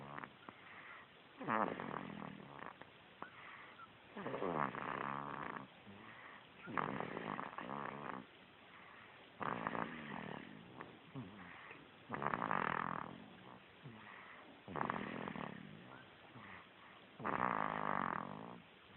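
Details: Baby snoring during sleep: repeated soft, rough breathing noises with a steady rhythm; snoring.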